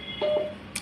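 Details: A short electronic beep and a faint click as a button is pressed on a Uniwer UMS A12 five-parameter patient monitor to switch to the next screen display format; monitor key-press beep.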